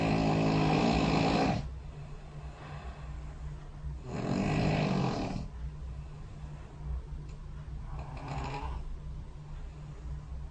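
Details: Sleep snoring recorded by a bedside snore-tracking phone app overnight, played back as a highlight sample; snoring.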